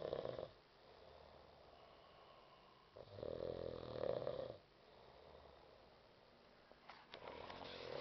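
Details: Loud, rough snoring on the in-breaths with quiet out-breaths between, about two breaths in eight seconds, from a friend sleeping on the floor after a night of partying; ordinary snoring.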